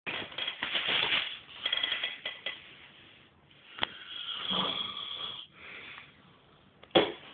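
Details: Snoring: harsh, rattling breathing noises recurring with each breath, muffled low-quality recording; snoring.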